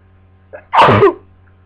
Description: Sneezing into tissues from my cold